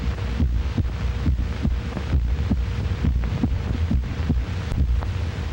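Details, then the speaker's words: Normal heart sounds from a 1937 educational film: steady low thumps at about 70 per minute over a hissing old recording. The first sound is ventricular contraction, the second is exit valves snapping shut; normal adult resting rate. "There is one heart sound as the ventricles contract and a second when they relax and the exit valves snap shut."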